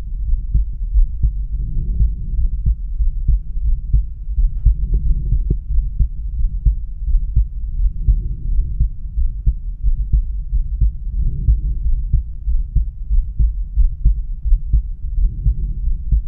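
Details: Normal heart sounds heard at the aortic area: regular, low lub-dub heartbeat at roughly 90 a minute, with some stethoscope rubbing noise.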